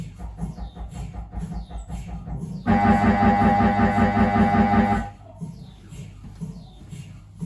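Rhythmic knocking, then a loud steady buzzing tone for about two seconds: typical MRI scanner noise during a routine head scan.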